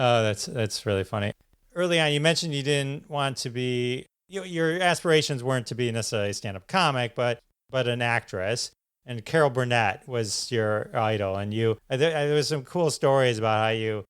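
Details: Adult man speaking; typical speech.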